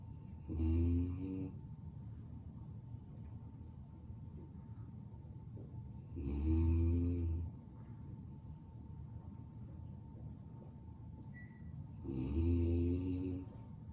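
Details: Lucy, a sleeping pet dog: three regular, rumbling, buzzy snores about six seconds apart, roughly 10 a minute, over steady room hum; ordinary dog snoring.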